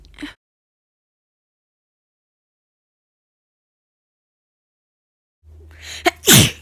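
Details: A single forceful, wet-sounding sick sneeze after a brief inhaled build-up, following a long silence: sneezing.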